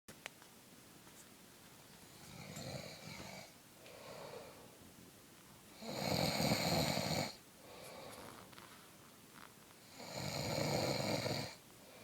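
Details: Adult man, a friend, sleeping with heavy snoring: loud rasping breaths in and quieter breaths out, about four to five cycles a minute, over steady room hiss.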